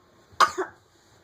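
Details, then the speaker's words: Child with a lingering winter cough, coughing. "I love you I'm sorry you're coughing so much"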